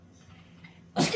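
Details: A single sharp, explosive nasal burst from a dog, an excitement sneeze while being asked about going outside for a walk.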